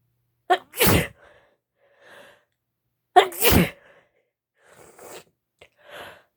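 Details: Female sneezing, with some nose blows.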